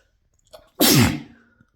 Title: compilation of induced and natural sneezes